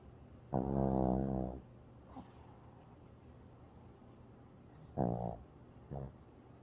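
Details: Sleeping dog, possibly dreaming, giving two loud rattling snore-like breaths about four seconds apart, each followed by a softer catch, in a quiet room; snoring.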